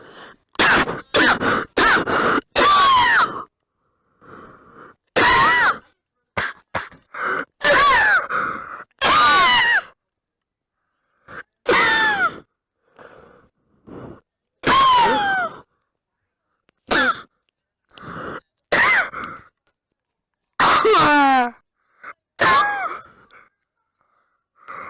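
Repeated harsh, voiced cough and sneeze bursts with groaning sounds between them, in an adult with bronchitis.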